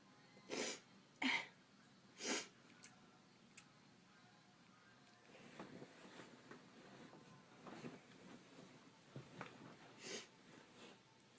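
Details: Induced sneezing in bed: three sharp, explosive bursts of air through nose and mouth, then quieter sniffing and breathing; a run of sneezes.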